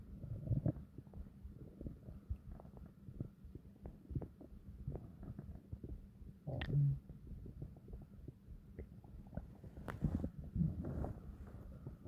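Long, deep rumbling and gurgling from the belly with bubbling pops; ordinary stomach growling from gas and fluid moving through the gut.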